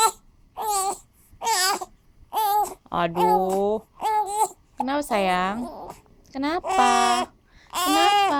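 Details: Baby with hiccups on a bouncer: repeated short bursts of crying with brief pauses, fussing rising and falling in pitch.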